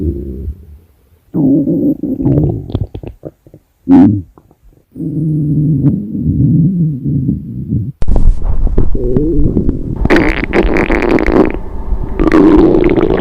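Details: Low, bubbling gurgles and rumbling growls from a cat's belly: stomach growling from gut movement.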